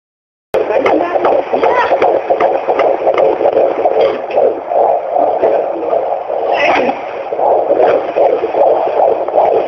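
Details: First baby's fetal heartbeat at 18 weeks 3 days of pregnancy, heard by Doppler: rapid whooshing beats at about 158 a minute with a steady hiss.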